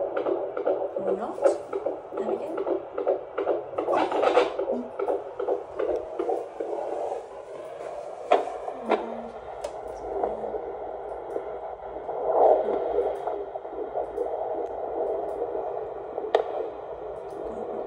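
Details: Rapid whooshing pulses at roughly 150 beats a minute from a handheld Doppler: the fetal heartbeat in the second trimester.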